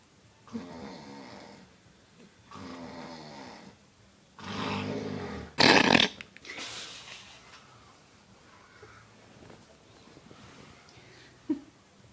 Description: Daddy snoring after a long hard day at work and me in the background laughing and I snorted after i laughed